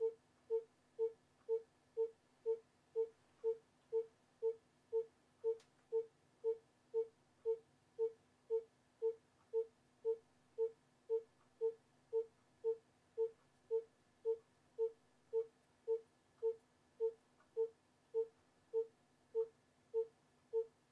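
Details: Educational fetal monitoring rhythm example 3: steady monitor beeps at about 115 a minute with an even rhythm, tracking the fetal heart rate.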